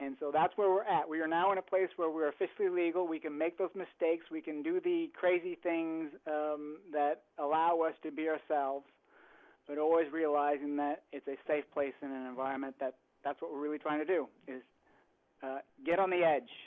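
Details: Adult speaker; normal speech.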